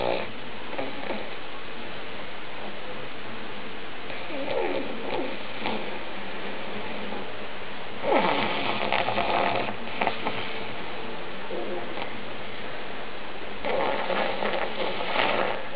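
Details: Old pug asleep: steady noisy snorting and rattling breathing, louder in bursts, typical flat-faced dog snoring.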